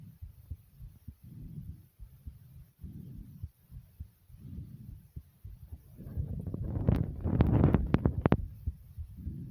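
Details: A person's own heartbeat recording: soft, muffled, low heartbeat thumps with audible breathing, then loud rustling and handling noise near the end; normal heartbeat.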